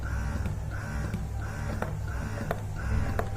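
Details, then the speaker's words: Electric breast pump running, single side, after switching on and raising pressure with the plus button: motor hum with rhythmic suction cycles and clicks, about one cycle every 0.7 seconds. "Switch on చేస్తాం. రెడ్గా వస్తే on అయిన అవుతుంది. మీకు pressure కావాలంటే plus నొక్కుతారు."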